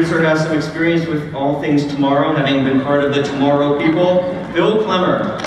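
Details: Adult male speaker; normal speech.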